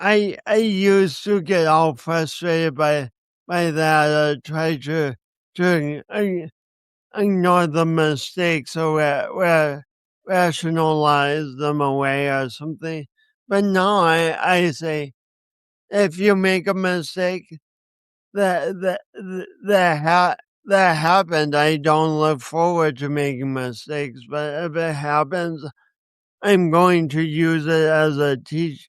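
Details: Speech impediment with stuttering-like disfluency in a man who also has coordination issues; he says he has not overcome it.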